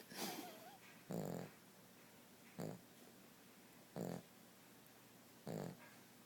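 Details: Snoring from a Cavalier dog.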